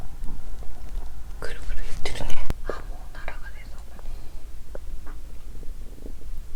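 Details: Abdominal sounds recorded by the person themself the day after finishing a first 7-day fast. The sound is small but captures active gut movement: bowel sounds (borborygmi).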